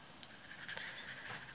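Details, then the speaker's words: Small pet: quick, soft, hissing bursts consistent with repeated little sneezes; owner calls her a frequent sneezer. "Bless you, my baby. Hannah was sneezing. She's a sneezer."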